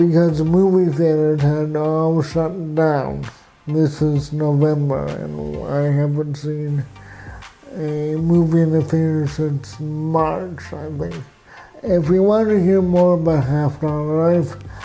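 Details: Adult man with cerebral palsy, who reports lifelong difficulty walking, speaking with dysarthric speech (cerebral palsy).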